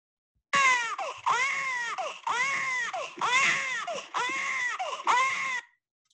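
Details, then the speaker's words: A control infant's cry, not the mother's own baby, played as a five-second stimulus in an fMRI study: repeated high-pitched wails with brief catch breaths. "so that was just the five seconds of the baby cry sound um the mothers were actually listening to this for 20 seconds at a time and there was a 10 repetitions per uh condition"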